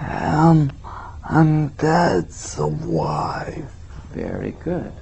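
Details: Spastic dysarthria in a patient describing a picture during a clinical speech assessment.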